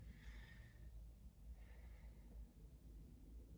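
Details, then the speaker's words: Adult patient taking a deep breath during nursing respiratory assessment, thumbs on posterior chest at T9–T10 checking symmetrical expansion: quiet airy, normal, unlaboured breath sounds with low room rumble. "so I would take my thumbs put them around t9 and t10 and ask him to take a deep breath"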